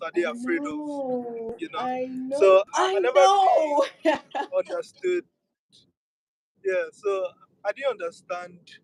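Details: Stuttering in a speaker who accepts and lives with the stammer rather than using avoidance strategies.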